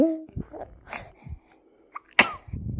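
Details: Pet bird imitating a sneeze: short whistle and soft chirps, then one sharp, explosive sneeze-like burst.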